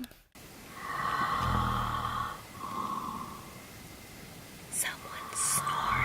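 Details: Person snoring at night while camping at a free lakeside campsite during a road trip; snoring.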